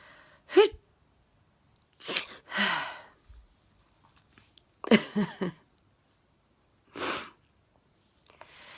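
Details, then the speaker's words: Adult who sneezes daily, sneezing fit starting just before bed: four sharp, explosive sneezes, some preceded by a short intake of breath, separated by quiet pauses; sneezing. "i was just about to turn the lights off to go to bed started sneezing i quickly grabbed my phone yeah i think i missed about 20 seconds or something"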